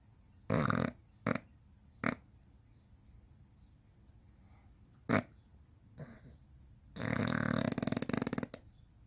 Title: Snoring bulldog